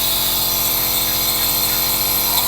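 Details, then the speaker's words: Home nebulizer compressor being test-run for an asthma patient's treatments, about 15 minutes per session: steady loud mechanical hum and hiss of the motor running without a break. "Okay na Okay na yan Okay na Okay na na-test na natin at least okay no marunong nao yan meron ng nebulizer"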